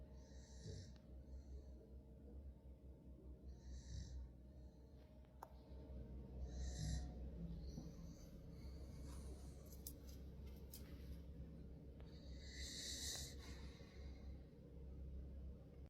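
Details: A sleeping female dog snoring: soft, rhythmic, hooting snores over a low room hum. Harmless snoring.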